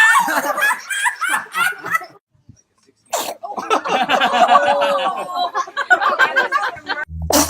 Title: Children funny sneezing!